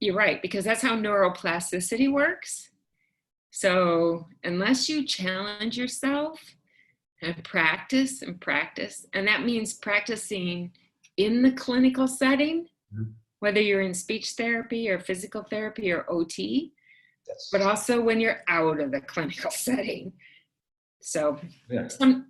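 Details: Adult woman; typical speech.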